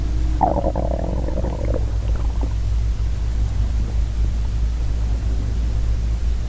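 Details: Borborygmi from a hungry girl's stomach: a short, deep, gurgling growl over a steady low rumble.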